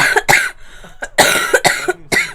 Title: Girl coughing 173